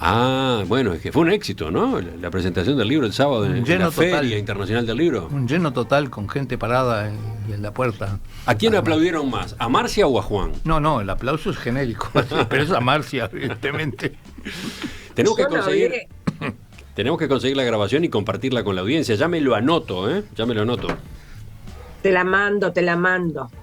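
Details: Adult speakers in a Spanish-language radio conversation; Ordinary conversational speech.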